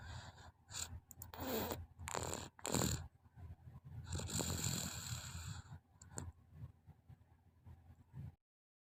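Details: Child snoring: irregular harsh, noisy breaths with rattly snoring on the breaths in, a few seconds apart, then quieter breathing.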